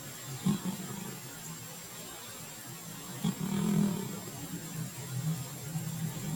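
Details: Soft, low rumbling snores from Bella, a cat asleep on a couch, over steady room noise; ordinary sleep snoring.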